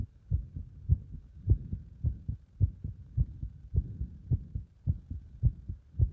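Regular paired heart sounds at about 105 beats a minute, quickened by exercise.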